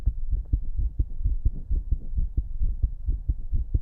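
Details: Own heart auscultated with a stethoscope at different chest spots in a person whose heartbeat is usually fast and visible; loud, rapid beats at about 130 per minute with a low hum underneath; fast heartbeat.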